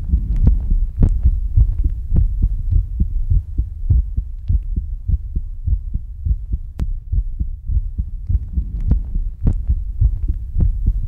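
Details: Steady, regular low thumps of a normal heartbeat with a soft background hum, in an ASMR recording panned left, center and right around the listener.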